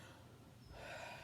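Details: Demonstration of lung auscultation with a stethoscope as the patient breathes: a single soft, airy breath swells in after a quiet pause; ordinary normal breath sounds.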